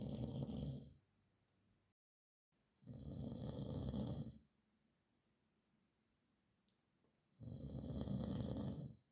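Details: Loud, deep, rumbling snores on each breath in, about every four seconds, with quiet pauses between; described as a nightmare of snoring at night.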